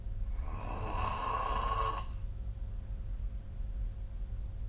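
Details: One loud, rough snore about two seconds long, then quiet breathing with steady low room hum; snoring recorded with the SnoreLab app during sleep.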